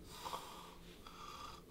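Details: Comedic snoring-remedy demonstration: two drawn-out nasal snorting breaths with a whistling, wheezy edge in a quiet room.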